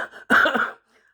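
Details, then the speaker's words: Person with a cough the chemist was concerned about for wheezing; the GP found the chest clear and suggested cough mixture. A single harsh, forceful cough burst after a brief throat sound, with no clear wheeze audible. "So I go to the GP yesterday because the chemist was concerned about my cough. The hear the wheezing."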